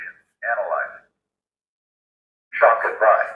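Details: Automated AED voice prompt from a ZOLL AED Plus during an AED and CPR training session: spoken instructions such as do not touch the victim while analysing, shock advised, press the flashing shock button.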